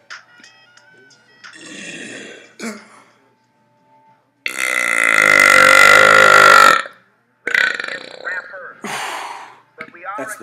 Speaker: you my burping talents cuz I can do back to back